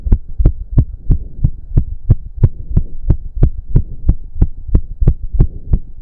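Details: Male after a 15-minute intense cardio workout with heavy breathing: strong, regular, very fast heartbeat about 180 per minute with a low hum, which the man himself put close to 200 bpm; exercise-induced sinus tachycardia.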